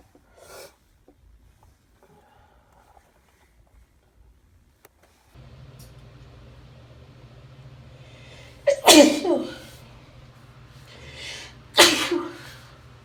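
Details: A female with hay fever: two forceful, wet sneezes a few seconds apart, each preceded by a quick in-breath, over a low car engine hum.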